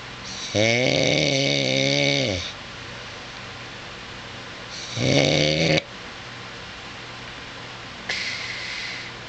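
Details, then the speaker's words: Husband snoring while asleep at 2:24 a.m., recorded by his wife; he denies snoring loudly: loud, rough, buzzing snores on breaths in, separated by quiet pauses, over steady room noise; snoring. "this is my husband snowing he says he doesn't Snell loud they doesn't believe me you tell me if it's loud"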